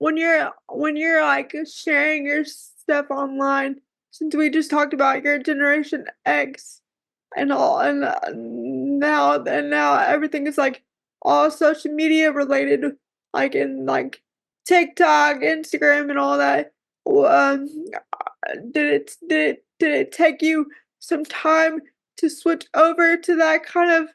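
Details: Speech difficulty in a woman with cerebral palsy who says talking is hard for her.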